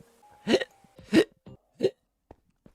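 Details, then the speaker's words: Adult man with repeated hiccups throughout a stream: three abrupt, voiced hiccup bursts in quick succession, with faint background tones. "so sorry hiccups wow that's the first hiccup of the day"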